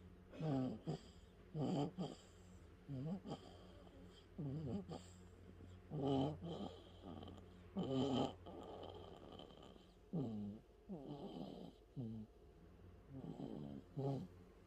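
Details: One-month-old baby boy snoring: repeated short noisy snorting breaths with a rattly tone, about a dozen in fifteen seconds, over a steady low hum; infant snoring.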